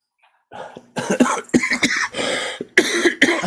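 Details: Adult during a live stream, after dinner, says excuse me: several loud, harsh coughs in quick succession close to the microphone; a run of repeated coughing.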